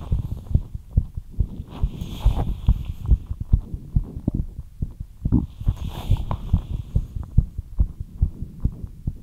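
Rapid low thumping heartbeat, roughly 140 a minute, with a faint hiss in the background: fast heartbeat after light exercise.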